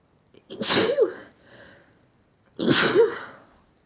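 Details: Morning sneezes: two sharp, explosive sneezes about two seconds apart, each with a quick breath in before it; sneezing.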